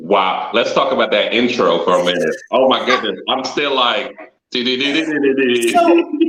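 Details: Adult male photographer and former engineer with a stutter, noticed when he introduced himself; the clip has word repetitions and frequent fillers. Finding: stuttering.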